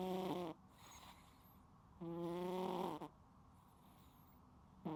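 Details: Sleeping cat snoring loudly: regular, tonal snoring breaths with quiet pauses between, about 25 a minute.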